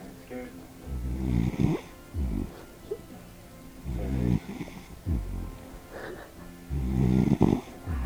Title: Dog snoring, nbd.